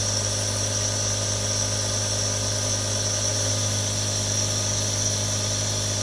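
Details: Real sounds from one of three different nebulizers: a steady, unchanging mechanical hum with a low buzz and hissing airflow as the nebulizer runs.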